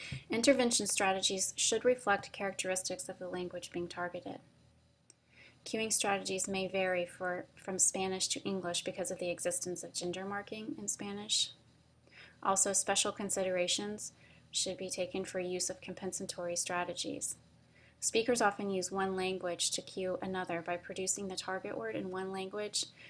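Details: Adult woman speaking; normal fluent speech.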